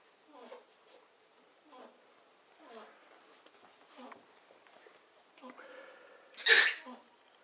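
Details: Repeated sneezing and squeaking: several soft snuffling breaths, then one sharp, loud sneeze burst near the end.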